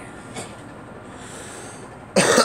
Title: Girl coughing